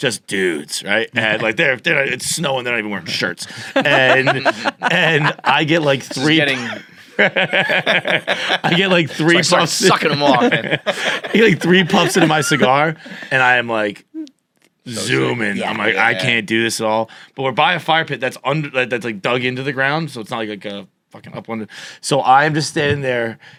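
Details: Adult male with stutter onset at age 20 after a softball injury (ball to throat, head strike), with major concussion and minor vocal contusion, later diagnosed by a neurologist as neurogenic stutter; neurogenic stuttering.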